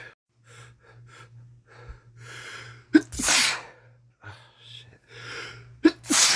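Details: Man with a common cold, during a week of cold progression: several sniffs and quick inhalations, then two forceful sneezes with gasping intakes; sneezing and sniffling.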